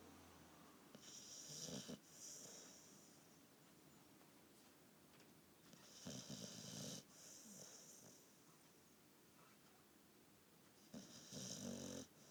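Three rough snoring breaths in about twelve seconds, each with a hissy, whistling edge, and quiet pauses between them: snoring.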